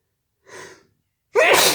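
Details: Sneeze deliberately induced: a short in-breath, a brief pause, then a single loud explosive sneeze.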